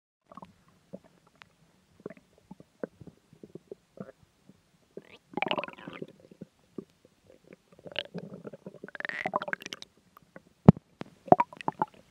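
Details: Scattered gurgles and clicks, then longer bubbling, squeaky rumbles from the belly; stomach growling (borborygmi).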